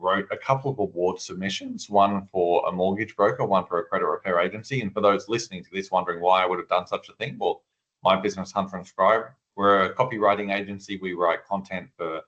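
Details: Adult man speaking; Normal speech.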